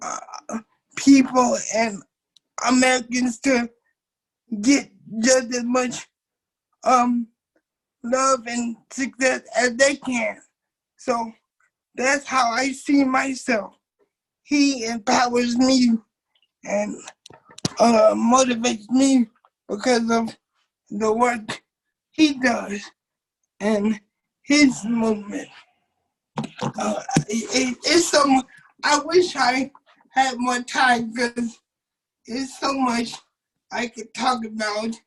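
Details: 27-year-old man with cerebral palsy since birth, muscles not working like others', wheelchair user; doctors told his family he would never talk. Dysarthric speech (cerebral palsy).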